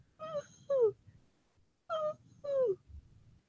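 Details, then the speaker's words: Vocal imitation of a wheeze in a veterinary respiratory lecture: two pairs of high, whistly, musical breaths with falling pitch, the sound of air through small constricted airways (bronchoconstriction) in lower airway disease. "Wheezes are sounds that we hear when the lungs are not, the air is moving through very small spaces, or bronchoconstriction, constricted airways. And so you hear a high-pitched sound"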